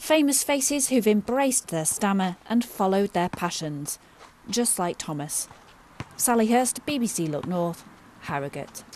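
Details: Adult female reporter narrating; normal fluent speech.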